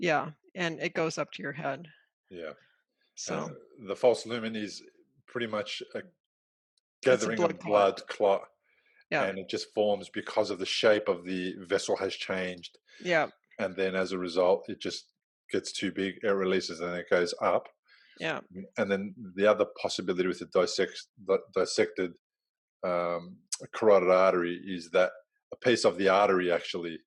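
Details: Adult man speaking; ordinary speech.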